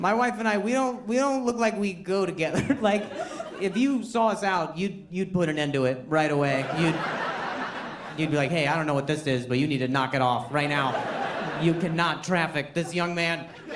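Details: Adult male comedian with a stutter he says varies with his anxiety level, stuttering naturally during a stand-up set: stuttering.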